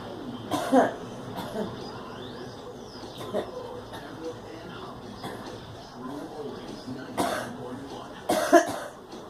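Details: Girl coughing: several separate cough bursts over nine seconds, with background talk and television noise.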